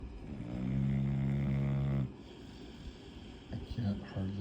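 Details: Female asleep at the end of a chair, snoring: one long, deep, buzzing snore lasting about two seconds, followed by quieter breathing and a little room noise.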